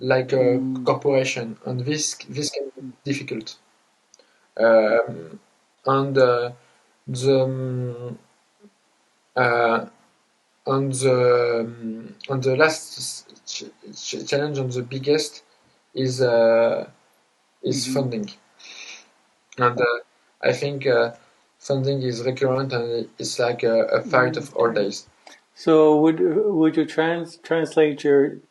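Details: Adult man who grew up with severe stuttering alongside dysgraphia, dyspraxia and ADHD; word repetitions and hesitations while speaking English: stuttering.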